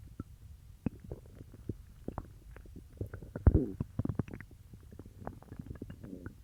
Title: Stomach growling from peanut butter